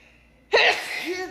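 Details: A young woman having an allergy attack, with a sore throat, gives a single loud, explosive sneeze out of near silence, then a brief voiced trailing sound.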